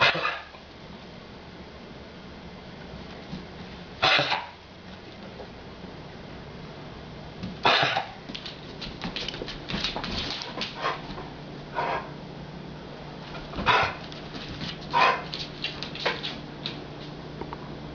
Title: persistent cough